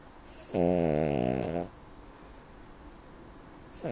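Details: One long, loud, buzzing inspiratory snore followed by quiet, from a 7-year-old, 7 kg ruby Cavalier King Charles spaniel: loud snoring from a small dog.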